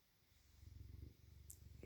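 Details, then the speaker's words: Sleeping bobcat snoring while dreaming: low, rapid rumbling flutter building and fading over a couple of seconds. "snoring. You were snoring. Yes, you were. How embarrassing."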